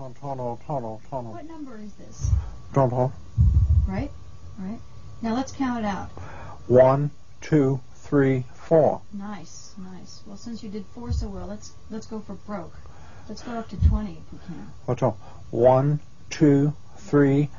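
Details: Adult patient in speech therapy with clinician; conduction aphasia.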